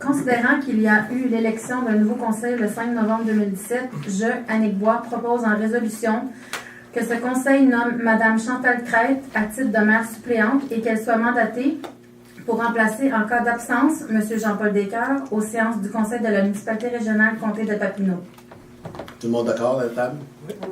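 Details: Adult woman speaking French; normal speech.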